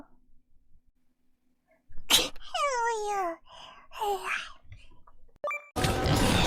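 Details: Sneeze from a compilation of VTuber streamers' sneezes: a drawn-out rising inhalation and falling voiced sound, then a sharp burst, with quiet room noise and brief talk; sneeze.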